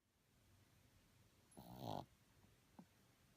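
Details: Boston Terrier puppy snoring while sleeping: one rough, rattling snort-like snore lasting about half a second, then a faint short snuffle.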